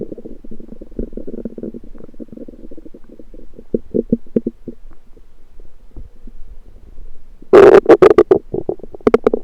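Soft bubbling gurgles, then a sudden louder burst of squelching rumbles. Ordinary stomach rumbling from gas and fluid moving through the gut.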